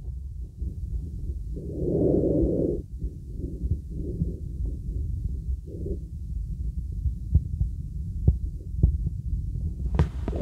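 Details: Real stethoscope on a girl's neck during relaxing full-body auscultation: a steady low throbbing carotid pulse beneath soft, hollow breath sounds; normal neck pulse and breathing.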